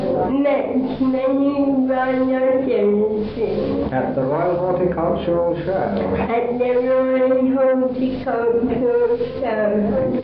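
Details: 22-year-old woman with cerebral palsy (congenital cerebral agenesis), recorded in 1961 with poor quality, repeating phrases; vocal fold hyperadduction and a tight, bunched tongue noted; spastic dysarthria.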